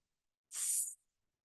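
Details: Adult speech model; correctly produced S sound.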